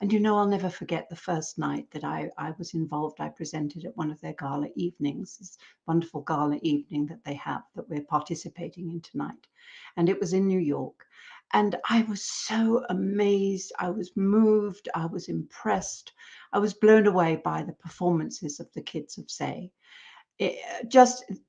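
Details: Adult woman speaking; normal fluent speech.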